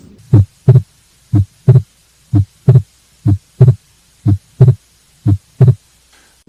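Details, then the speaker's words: Fixed splitting of S2: regular heartbeat near 60/min, with a split second sound whose gap stays unchanged through the respiratory cycle, pathological splitting. "the most common abnormality that causes fixed splitting of s2 is atrial septal defects so let's say and recognize this pathological spitting of splitting of s2 sound"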